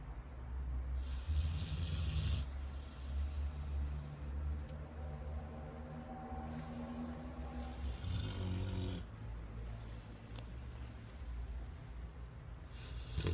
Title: Rottweiler snoring